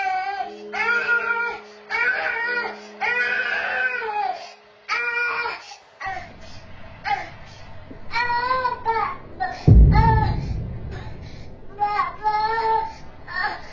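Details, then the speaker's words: Young boy in a crib, recorded by a home camera at night, suddenly woken from sleep and crying intensely while climbing the crib rail: repeated distressed crying bursts over background music and narration. "Chi tiết đáng xem nhất là cậu bé đang ngủ rồi đọt nhiên bị đánh thức, kêu khóc dữ dội, từ từ trèo lên chiếc cũi che chắn giường."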